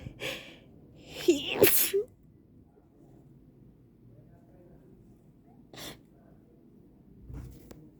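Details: A person who says they feel very sick has a sharp gasp, then a loud sneeze and quieter sneezy bursts, in an allergy sneezing attack; sneezing.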